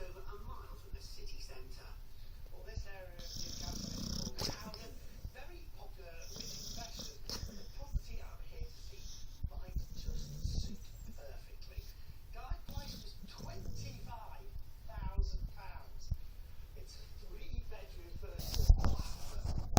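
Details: Low, rumbling snores with repeated breaths from a dog sleeping while supposedly on guard, over a noisy background.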